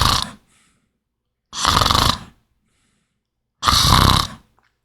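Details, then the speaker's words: Simulated airway-management teaching recording: loud rattling snores on each breath in, about two every five seconds, illustrating snoring from partial upper airway obstruction. "Un ronquido es clásico, todos conocemos que es un sonido como el que voy a reproducir."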